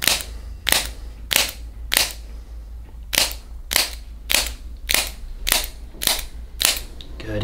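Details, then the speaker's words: Chiropractic activator instrument on the rib cage, angled toward the front, giving a compressive effect; patient with chest knots and thoracic tension: ten sharp snapping clicks about a second apart. "So I'm gonna give that same compressive effect to the rib cage that I was doing with my hands, and that's what I'm doing here."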